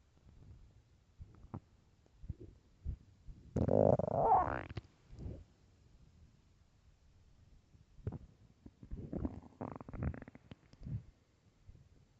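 Scattered gurgles and a long loud growl mid-clip: hunger stomach growling, normal bowel sounds.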